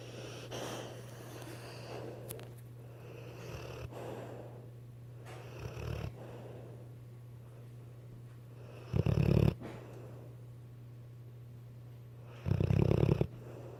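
Slow, low rumbling snores recur every few seconds, some loud and coarse, over a steady low hum: ordinary snoring during sleep.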